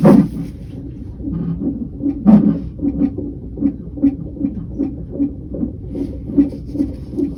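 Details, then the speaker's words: Pregnancy at 38 or 39 weeks, woman rolled to her side, baby moving: rapid, regular whooshing thumps about 150 a minute on a labor-and-delivery style fetal monitor during a non-stress test; normal fetal heart tones. "And this is a monitor like they have in labor and delivery. And we're just going to listen to the baby's heartbeat."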